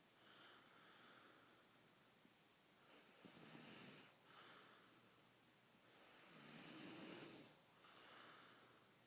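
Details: A man's quiet, breathy snoring at about 15 breaths a minute, with a hissing rasp on each breath in, described as profuse; snoring.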